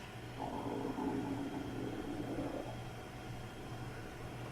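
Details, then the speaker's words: Woman on day 15 of a keto diet: a soft gurgling stomach rumble lasting about two seconds over room hum; stomach growling (borborygmi). "Did y'all hear that? That was my stomach."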